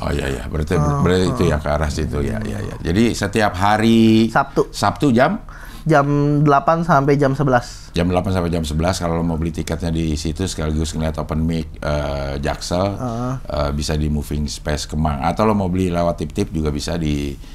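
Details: Adult male speaker; Normal conversational speech.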